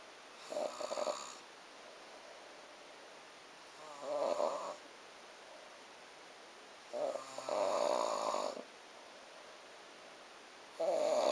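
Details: Snoring: rough, rattling breaths repeating with quiet gaps, about four in ten seconds.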